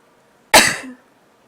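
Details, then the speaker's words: Adult with a cold and a tickling nose who had trouble sneezing, recorded after blowing the nose: a single sharp, explosive sneeze in a quiet room; sneeze. "Um, my nose has been tickling like crazy for the last couple of days and I haven't been able to sneeze very much, so I was thinking that I would induce, but first I really need to blow my nose."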